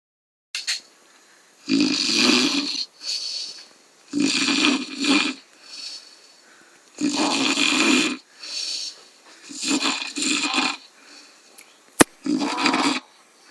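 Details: Adult man (dad) snoring after drinking too much: loud, rough snores with harsh rattling inhalations and softer exhalations, about 22 per minute, slightly irregular; heavy snoring.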